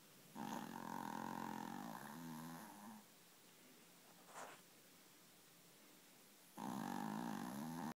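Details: Two loud, rumbling, fluttering snores about six seconds apart with quiet breathing between; a mighty snore, snoring.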